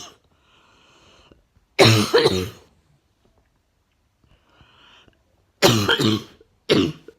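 Three harsh cough bursts, the first long and rough, the last two close together, between quiet breaths.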